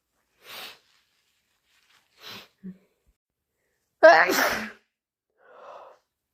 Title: Harsh, loud and wet induced sneezes plus thick sniffles and blows